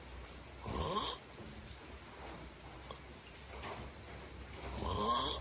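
Two soft, rasping snoring breaths a few seconds apart over low room noise, typical of sleep snoring.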